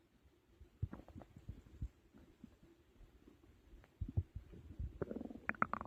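Low gurgling and rumbling bowel sounds with bubbly bursts near the end; ordinary stomach growling after a large meal, a normal digestive sound.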